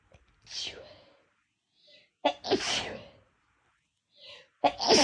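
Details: Person deliberately inducing sneezes on a day of more sneezing than usual with no apparent reason: three loud sneezes, each preceded by a quick indrawn breath.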